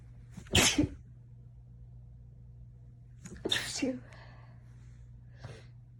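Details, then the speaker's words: A person in bed, nose irritated after cleaning a cat litter box and tickled with hair strands, gives two loud explosive sneezes and a faint third, each with a quick intake before, trying to stifle them; itchy sneeze fit. "I have to try to stifle them because my roommates are home and it's late."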